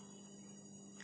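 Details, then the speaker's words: Faint, steady low hum of a small portable mesh nebulizer running quietly while producing mist, shown as a home treatment for phlegm. "ಯಾವತರ ಬರ್ತಾ ಇದೆ ಅಂತ sound ಕೂಡ ನೀವು ಕೇಳ್ತಾ ಇರಬಹುದು ಸ್ವಲ್ಪ ಸ್ಲೋ ಆಗಿ ಕೈ ಅಂತ ಸೌಂಡ್ ಬರ್ತಾ ಇದೆ ಇದರಲ್ಲಿ"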